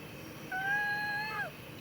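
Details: Adult male COPD patient in acute exacerbation, told to breathe in and out deeply: a steady, high, musical whistle lasting about one second during breathing. Wheezing in the lungs from narrowed airways.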